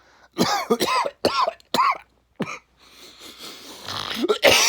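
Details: Adult who smokes cannabis, sick with a cold attributed to overtraining: a run of several harsh, wet-sounding coughs followed by throat clearing; cough with common cold.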